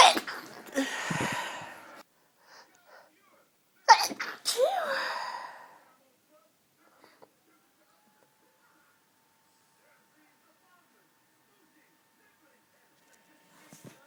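Two forceful, partly held-back sneezes with a sharp burst and strained breath; stifled sneezing.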